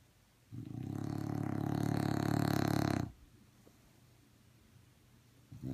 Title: Lucy Happy Dog Snores